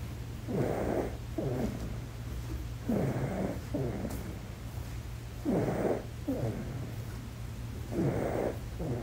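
Soft rhythmic snoring from a sleeping infant, about 24 breaths a minute, each breath a rough inhaled snore with a shorter exhale, over steady low hum.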